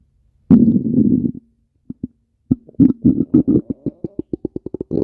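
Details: Stomach growling: a long low gurgling rumble, then a series of short bubbling pops and squelches that quicken toward the end.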